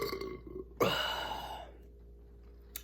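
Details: Adult belching after drinking cherry Sprite: a single loud, drawn-out burp lasting close to a second, with quiet room noise before and after; burping.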